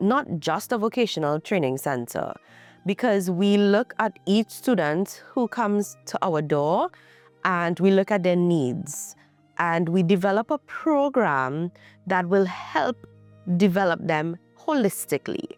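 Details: Adult woman speaking; Normal speech.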